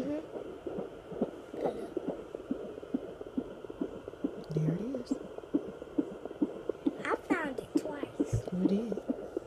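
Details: Fetal heartbeat being searched for: rapid, soft whooshing pulses of about 136 a minute under hiss and background music, within the normal range.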